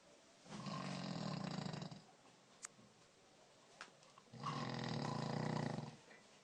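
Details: Dog snoring: two long, low, rattling snores, each about a second and a half, separated by quiet.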